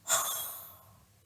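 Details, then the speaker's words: Daughter demonstrating huff coughing: deep breath, hold two to three seconds, then one strong, breathy open-mouth forced exhale that fades out, used to move mucus up the airways. "take a deep breath and you're gonna have a hold it for two to three seconds then she's gonna exhale slowly but hard exhale good"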